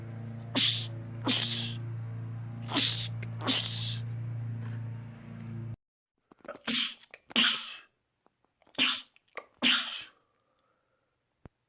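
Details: Male, from a compilation of rapid sneezing attacks in men: about eight sharp, explosive sneezes in quick succession, with a steady hum in the first half; rapid repeated sneezing attacks.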